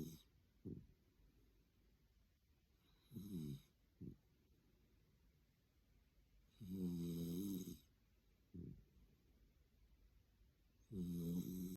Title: a small dog snoring so noisy